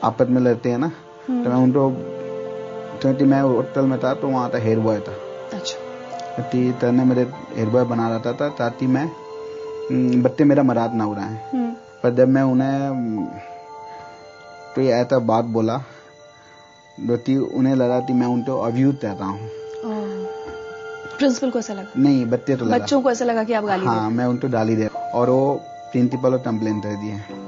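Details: Adult man with unclear speech (lisping) since childhood, noticed around age five. He had speech therapy and still struggles with new people: speech sound disorder (unclear articulation).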